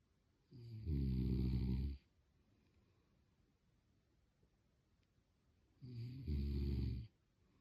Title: snoring